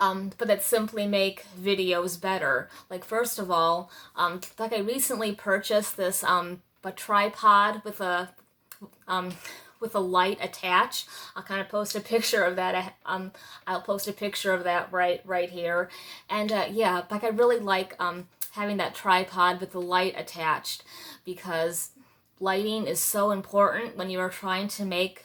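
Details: Adult woman stuttering since about age five or six, with speech therapy through school; blocks, especially in social situations and on words of three or more syllables; stuttering.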